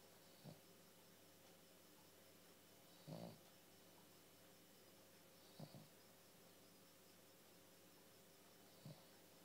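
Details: Snoring from Monty, a sleeping dog with eyes open: soft snorting snores, four in about nine seconds, over a steady hum of room noise.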